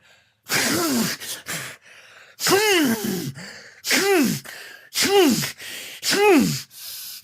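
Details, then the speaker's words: Five loud, drawn-out voiced gasps with falling pitch, about a second apart, from a man interrupted during a phone call, building toward a sneeze: repeated pre-sneeze gasping. "yeah sorry about that man yeah sorry no i just had to sneeze"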